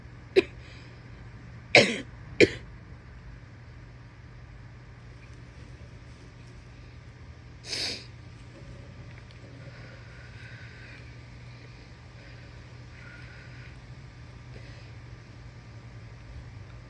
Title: wet coughing, heavy breathing and sniffles (f)